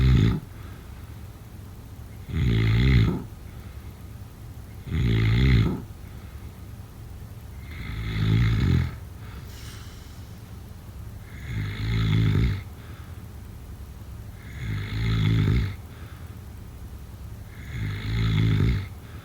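Regular low rattling snores, about 22 a minute, each lasting under a second: snoring during sleep.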